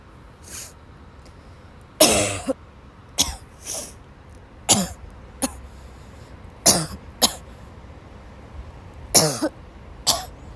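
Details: A woman, sick since waking, has a violent dry coughing fit in class: repeated harsh, dry coughs, about eight bursts in ten seconds, with brief catches of breath between them.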